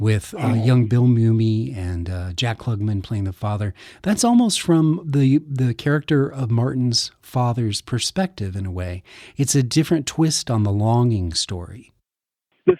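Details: Adult male speaker; typical speech.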